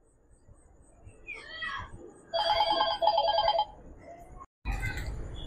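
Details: Short electronic beeps from a blood glucose meter during a finger-prick sugar test on a mother, with room noise and handling sounds; reading 140, described as normal.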